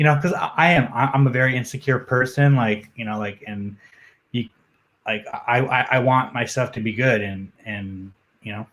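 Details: Adult man, a journalist, who says he has a stutter that comes out when he gets nervous, speaking in a podcast interview; stuttering.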